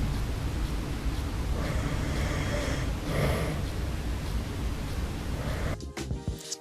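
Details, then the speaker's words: An adult man's mild snoring in sleep, recorded overnight by a phone snore-tracking app as a "good" night: low, rumbling noisy breathing with a couple of harsher inhaled rattles over a steady hum. "so let's have a listen to my snoring so this is my good snoring"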